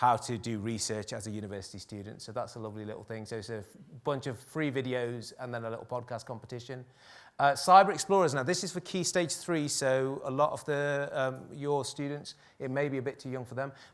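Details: Adult male speaker; normal speech.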